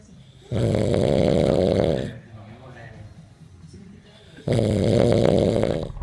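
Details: Two loud, rough inspiratory snores about four seconds apart, separated by quiet breathing; adult snoring.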